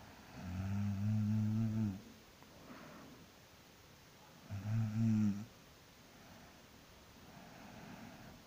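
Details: Person sleeping after work, snoring: two loud, low, rattling snores on breathing in, separated by quiet breathing, about 16 breaths a minute; ordinary snoring.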